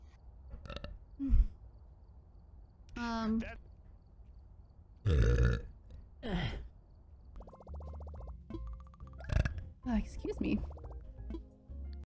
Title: Streamer burps